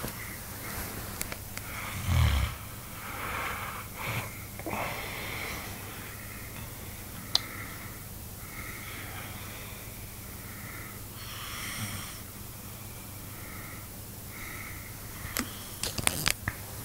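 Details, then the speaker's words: Adult snoring at 1 a.m.; a snore with a snort and some whistling, squeaky breath sounds in a quiet room. "He's got earmuffs on, earplugs in, because he says I snore."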